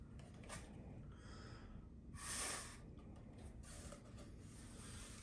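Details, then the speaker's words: Peak flow meter test demonstrated by a medical assistant: the patient's second short, forceful exhalation reads 200, higher than the first test because he exhaled longer; normal lung airflow. "all right so now i've got a reading of 200 and that's because this time he actually exhaled rather longer than the first test so third test"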